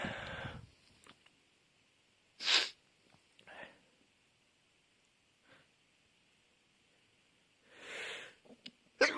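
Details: Sneezing fit: a run of sharp, hissing sneezes with quiet gaps and sniffs between them.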